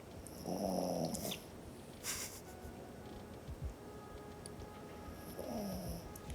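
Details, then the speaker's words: Sleeping dog snoring in a room during a card game: two drawn-out, slightly falling nasal rumbles about five seconds apart over quiet room noise; snoring. "Can you all hear the dog snores? He's so sleepy."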